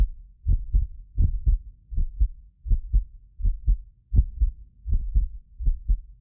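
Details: Real heartbeat of a medically fit person recorded with multiple precision contact microphones: steady lub-dub at about 80 a minute, clear paired sounds with no extra noises; normal heart sounds.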